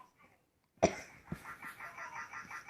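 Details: Little brother (child) coughing indoors: one sharp, abrupt cough, then a fainter second one, with soft rhythmic chirping in the background.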